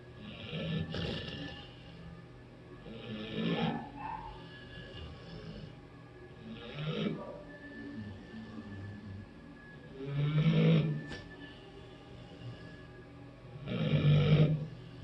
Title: Negan snuggling and snoring 😊